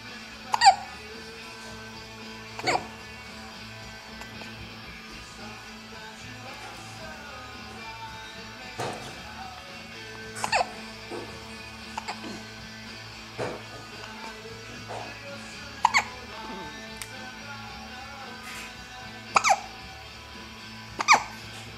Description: Those dang hiccups